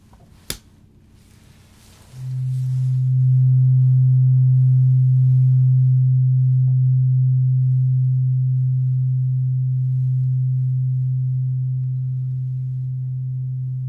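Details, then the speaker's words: Tuning fork in a simulated ear-exam roleplay hearing check, eyes closed, testing when sound is no longer detected, one ear then the other: a sharp strike, then a steady low pure hum fading over about ten seconds. "tuning fork, and with the tuning fork, I am going to see whether or not you can detect when the tuning fork is no longer making a sound."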